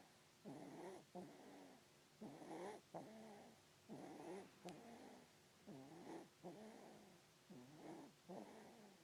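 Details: Sleeping baby girl snoring: rhythmic, buzzing, fluttering sleep breaths at about 34 a minute, each with a brief break.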